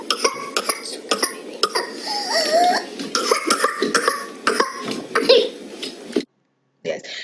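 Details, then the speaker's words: Child with whooping cough (pertussis): a rapid paroxysm of a dozen or more harsh coughs, with a long, deep drawn-in breath between bouts before coughing resumes. "so did you hear the child had bouts of cough fits of cough and in between the child took a long deep breath and again the child started coughing"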